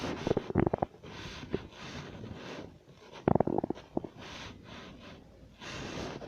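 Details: Two bursts of gurgling, bubbly rumbles separated by quieter room noise; ordinary stomach growling (borborygmi).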